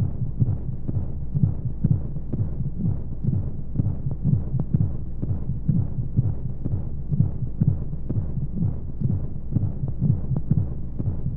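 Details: Womb-sound sleep aid for babies with white noise: steady muffled heartbeat thumps at about 60 a minute under a constant low whooshing hum of flowing sounds, a heartbeat as heard from within the womb.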